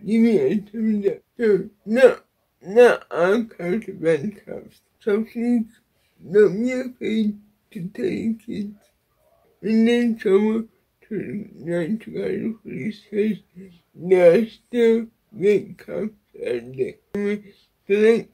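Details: Woman with cerebral palsy speaking; dysarthria (cerebral palsy).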